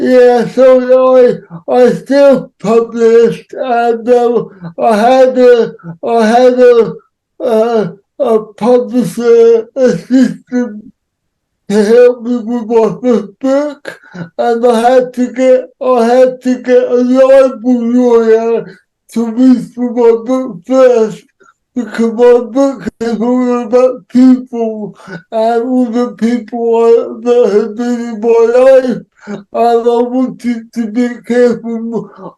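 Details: Adult man with cerebral palsy who says he cannot say some words, speech largely unintelligible to automatic transcription; dysarthria (cerebral palsy).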